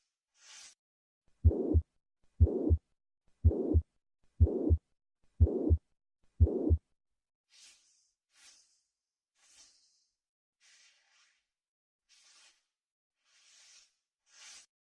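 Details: Heart sounds generated by the beating heart and blood flow, reflecting valve closure; S1 and S2 are normal heart sounds, S3 and S4 abnormal.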